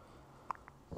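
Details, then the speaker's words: Infant's hiccup: a single sharp, brief voiced catch with small soft sounds after. "hi cameron oh what's up have you got the hiccups is that yes oh there's another one oh what's up you're trying to talk to me"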